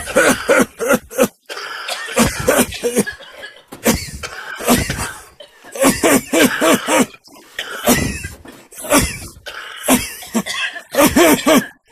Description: Raucherhusten im Wald